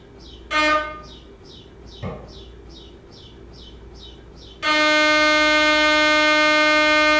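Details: MRI scanner noise from gradient coils during imaging; patients wear music headphones to muffle it: rapid repeating electronic chirps, then a loud, steady, piercing buzzing tone.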